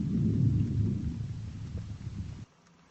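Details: Lung auscultation over the back at symmetric points along the scapular lines (7th–9th intercostal spaces, right then left); normal vesicular breathing heard.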